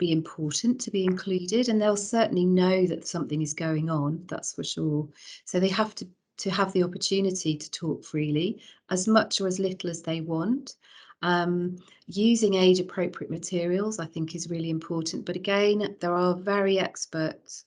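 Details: Adult speaker; normal speech.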